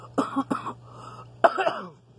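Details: A few short, dry, throaty coughs with throat clearing against a steady low hum, recorded in the morning; smoker's cough in someone with asthma who also mentions sinus infection.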